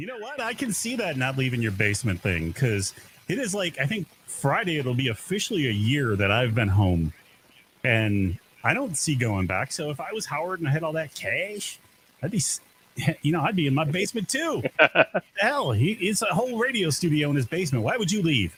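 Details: Adult male speaker; typical speech.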